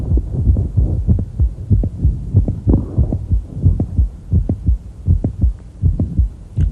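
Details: Mitral valve prolapse click in a female patient as she squats and stands: the click is hard to distinguish, sitting close after the first heart sound, within a regular stethoscope heartbeat; brief squeaky noise at the end.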